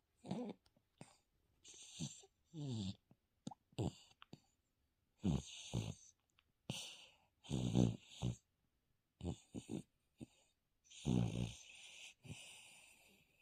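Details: Dog snoring in sleep: loud, irregular snorting snores with short gurgling bursts and pauses between breaths.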